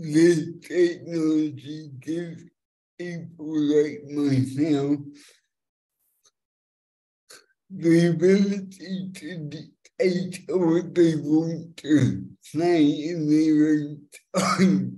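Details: Adult man with cerebral palsy since birth affecting fine motor control and speech, after years of speech therapy, demonstrating a speech-recognition web app; finding: dysarthria (cerebral palsy).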